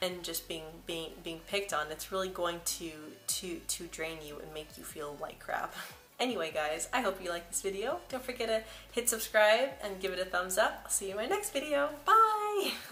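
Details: Female speaker who began stuttering at about age 9 or 10, with audible word repetitions; stuttering.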